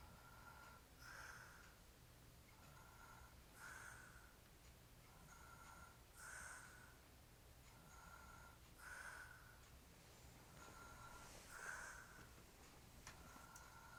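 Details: Hairy-chested adult man sleeping while drunk; quiet, rhythmic noisy breathing with a soft snoring rasp on each breath, about 23 a minute, over steady room hum: snoring.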